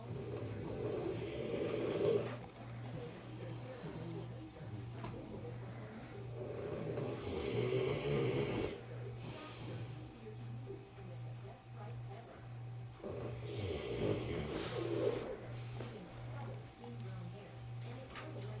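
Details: Slow, repeated rough breathing noises during sleep, each lasting a couple of seconds, over a steady low hum; snoring.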